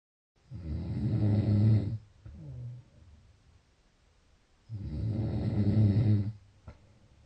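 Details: Snoring: two loud, low rattling snores on breathing in, with a quieter outbreath between them.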